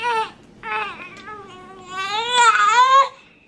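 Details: Two-month-old baby girl just waking from a nap; loud, tonal, wailing cries in a quiet room; ordinary infant crying.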